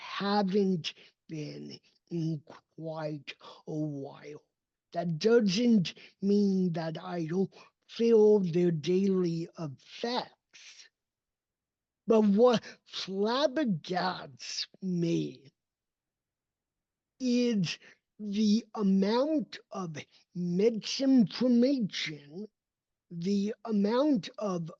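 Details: Adult male with cerebral palsy, a neurodevelopmental disability; speech did not emerge until age seven after extensive speech therapy and requires constant ongoing training; real, not acted; dysarthria (cerebral palsy).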